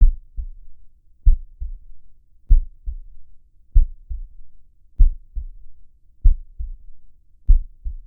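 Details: Normal heartbeat in a relaxation recording: slow, steady paired heart thumps at about 48 beats a minute in a regular, healthy rhythm.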